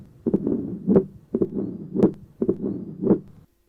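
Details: Tricuspid stenosis murmur, similar to mitral stenosis but best heard at the tricuspid area, intensity varying with inspiration and expiration.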